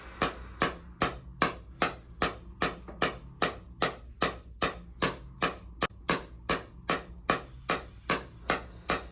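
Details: Shockwave therapy near the end of a runner's second session on the left SI joint, hip and lower back at a chiropractic clinic, during another 120 pulses. Regular sharp knocking pulses at about 150 a minute; patient then reports the pain drops from 4 to 0.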